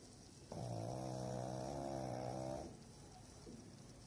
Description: #Goodnight, sleep tight and here she goes...@Maggie the pug snores#